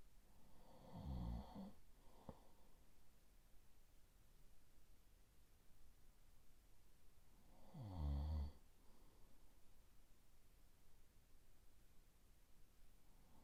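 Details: Two low, rumbling snores about seven seconds apart with quiet breathing between, from an ASMR recording of a boyfriend sleeping all night; ordinary snoring during sleep.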